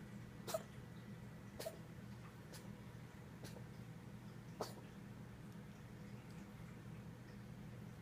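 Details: Pet named Muffin coughing, recorded at 8:45 PM; five brief, soft, sharp bursts about a second apart over a steady low room hum; cough.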